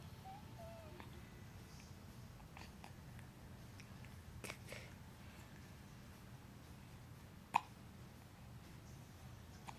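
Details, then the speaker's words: Baby with hiccups: one clear, sharp hiccup and a few fainter ones against steady room noise. "Look to your left, baby. Look to your left. You got the hiccups."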